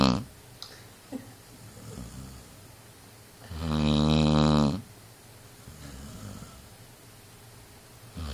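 One loud, rumbling, vibrating snore lasting about a second, with soft breathing before and after. Snoring in a sleeping dog.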